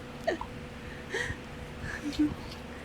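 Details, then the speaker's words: Infant makes brief, abrupt little vocal catches recurring several times in a few seconds: baby hiccups. "Got the little hiccups? Hmm? Or did Daddy scare him away from you?"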